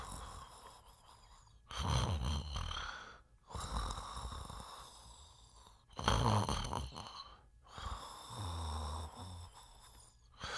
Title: snore and bedroom sound